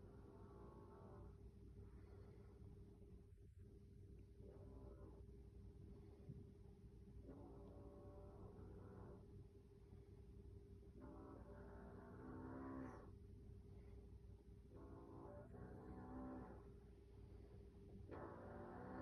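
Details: Loud strange, tonal, groaning snores from a mother sleeping on a couch, over steady low room hum; adult snoring.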